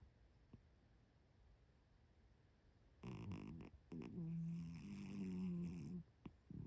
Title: Heedo cat snores…